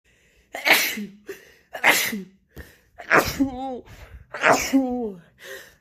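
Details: Four forceful sneezes in quick succession, each with a sharp intake before the explosive burst, on day 2 of a bad cold that has gotten much worse; repeated sneezing.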